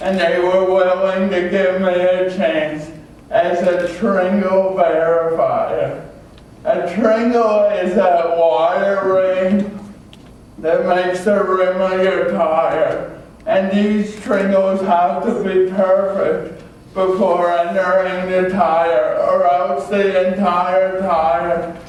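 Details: Adult male with cerebral palsy who had extensive speech therapy; dysarthria (cerebral palsy).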